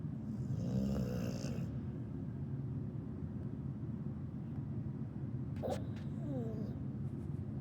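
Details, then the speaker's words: Snoring in a sleeping 2-year-old female dog: continuous low, rough rumbling, steady throughout, with brief squeaky sounds near the end; owner says this little snore when sleeping is normal for her. "And this little snore that she does when she's sleeping, that's just her. That's my baby girl, Miss Harley May."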